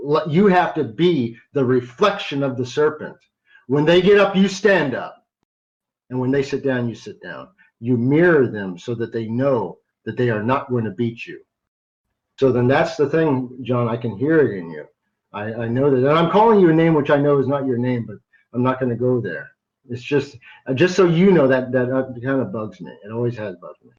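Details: Adult man who stutters sometimes, a carry-over from much more frequent stuttering as a child; audible word repetitions; stuttering.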